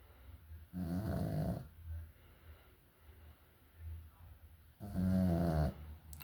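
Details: Small dog sleeping: two loud, low rattling snores about four seconds apart, with soft breathing between them; ordinary snoring.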